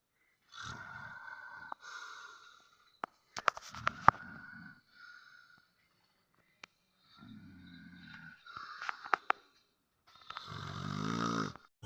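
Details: Irregular snoring with rattling, fluttery breaths, whistly tones and occasional clicks and snorts in a quiet room.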